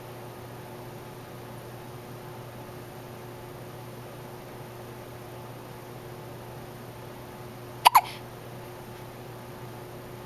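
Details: Two quick, sharp hiccup sounds close together against a steady, quiet room hum; ordinary hiccups.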